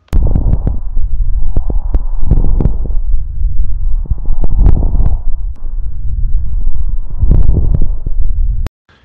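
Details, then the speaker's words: Coarse crackles (estertor grosso) in pediatric lung auscultation: low, bubbling, popping sounds over breath sounds, not cleared by coughing or position change; linked to chronic bronchitis, bronchiectasis, pulmonary edema. "agora você poderá ouvir o estertor grosso"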